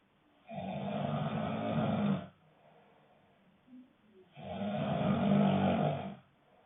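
Two long, low, rattling snores, each about two seconds, separated by quiet pauses, in a small room: snoring.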